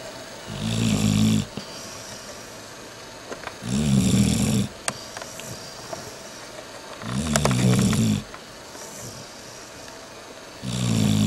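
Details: Deep, buzzing snores recurring about 18 times a minute, each lasting about a second, over steady room noise: snoring.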